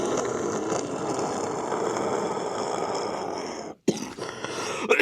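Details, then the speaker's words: Adult with a doctor-diagnosed lung infection, high fever and delirium, now on antibiotics: continuous coarse, gurgling rattle on breathing, a short pause, then more rough rattly sounds. "she put me in the doctors the next day and it turns out I've got some kind of lung infection which you can hear here"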